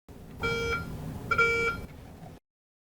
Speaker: When a sponge or towel is located, an audible beep will sound from the locator wand.